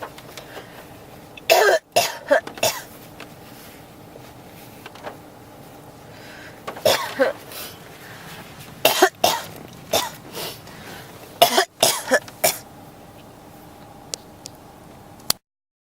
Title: 咳が止まらない 32 cough